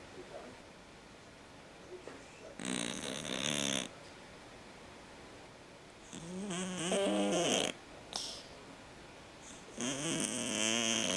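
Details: Sleeping cat snoring: three loud, rasping snores with a buzzing, fluttering quality, separated by quiet pauses.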